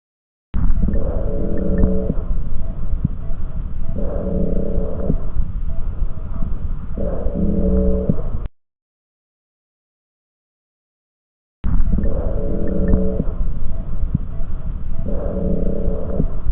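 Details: Teaching recording of lung auscultation: repeated breaths, each with a musical, tonal added sound, an adventitious breath sound agreed by at least 8 of 10 pulmonologists.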